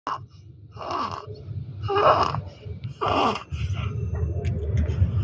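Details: Newborn with neonatal stridor: harsh, noisy high-pitched breaths repeating quickly, consistent with a narrowed upper airway.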